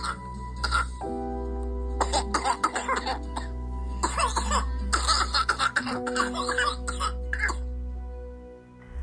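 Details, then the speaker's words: Premature twin infants (born at 8 months) with severe whooping cough (pertussis), filmed by their mother for doctors: runs of rapid, strained paroxysmal coughs with barely any breath between, child not breathing during the fit; background music. "Вот это так называемый кашель, когда ребёнок закатывается. В этот момент он не дышит."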